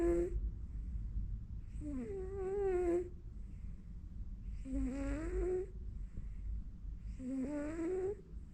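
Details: Sleeping cat snoring in a steady rhythm, each breath a whistling, rising tone, about 24 breaths a minute, over a low room hum; snoring.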